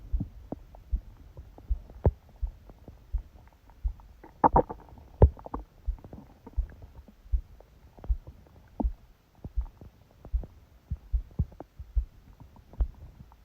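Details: Heartbeat recorded during sleep by a phone held on the abdomen under a book, possibly pressed against it: steady, rapid, unexpectedly loud low thumps with a brief stomach gurgle partway through; fast heartbeat.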